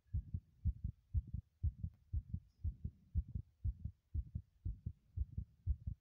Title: heartbeat sounds while running in the bathroom ASMR